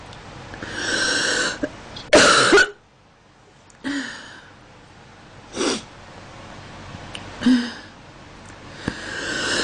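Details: Girl coughing while stuffy: several short coughs and throat clearings, one harsher burst, with breathing between them in a small room.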